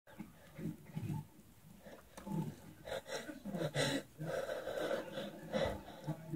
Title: Heavy breathing and sneezing...